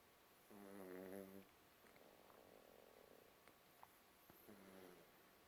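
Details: Two soft, buzzing snores about four seconds apart in a quiet room, from a small pet named Mini.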